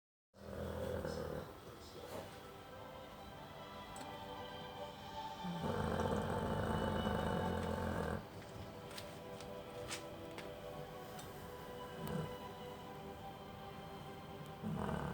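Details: Chow chow (giant dog breed) in deep sleep after bathing, loudly snoring: long, loud, rumbling snore-like sounds over steady background noise and faint music.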